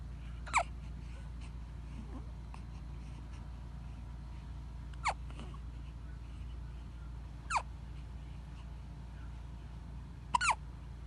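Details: Baby hiccups: four sharp, brief squeaky catches every two to three seconds over a steady low room hum.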